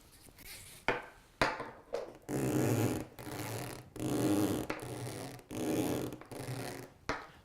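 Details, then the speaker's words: Old ribbed Ikon CPAP tubing dragged across a bed frame, as when rolling over in bed: repeated loud scraping and rasping bursts with knocks, compared with quieter new tubing on an F&P SleepStyle machine. "it doesn't make as much noise when I'm rolling over in bed and dragging it across the bed frame and I'll show you what I mean"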